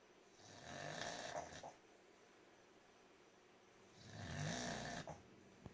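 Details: Loud rattling inward snores about four seconds apart with quiet pauses from a sleeping small cocker spaniel dog; snoring.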